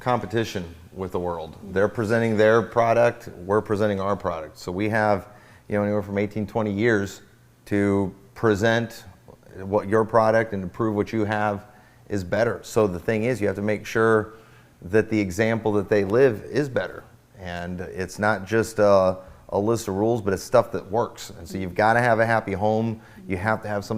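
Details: Adult man speaking; normal voice.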